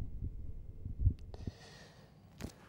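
Muffled low heart thumps through a stethoscope at the apex with some handling noise; normal heart sounds, no clear murmur.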